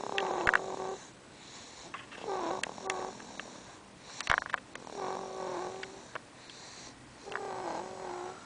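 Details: A sleeping baby girl snoring: repeated rough, buzzing breath sounds with a steady nasal hum, about four cycles over eight seconds.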